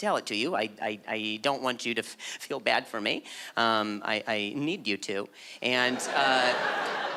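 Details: Adult male with stuttering that began at age 20 after a softball struck his throat, causing a minor vocal contusion and a major concussion later diagnosed as traumatic brain injury; audible word repetitions; stuttering.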